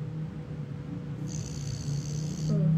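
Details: Pet snoring while resting: low, steady rumbling snore with faint room noise and a brief high hiss.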